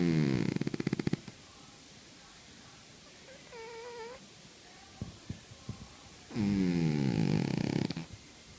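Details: Cat in deep sleep snoring: two fluttering, rattling snores separated by a quiet pause with a brief squeak.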